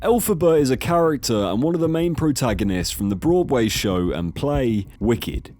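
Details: Adult male narrator; normal speech.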